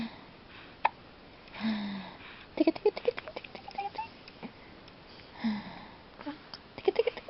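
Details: Baby with hiccups: short, abrupt voiced hiccup sounds recurring among quiet room noise; hiccups.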